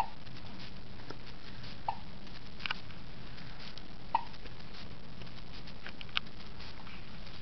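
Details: Hiccups.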